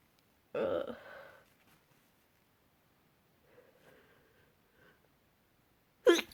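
A short burst sneeze, then quiet breathy sounds, then a sharp abrupt sneeze at the end; ordinary sneezes in a quiet room.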